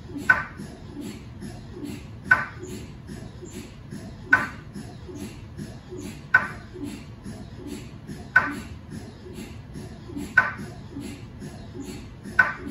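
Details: Steady rhythmic buzzing and knocking with a sharp ping about every two seconds, recorded inside the scan room of a GE 1.5T or 3T MRI system; repetitive MRI scan sequence noise.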